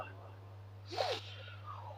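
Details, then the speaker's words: An adult man makes a single brief, rough snorting noise over a steady low electrical hum, imitating the snoring of someone in deep sleep. "তাহলে কোন ব্যক্তি যদি ঘুমিয়ে পড়ে আর ঘুমের ভিতরে যদি নাক ডাকায় ওই ব্যক্তির ঘুমটা তো বড় ভারী মানে গভীরতা গভীরতা বেশি"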